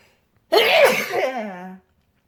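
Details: Single loud, forceful sneeze with sudden onset and voiced trailing end in a quiet room, from a person at home sick with a cold.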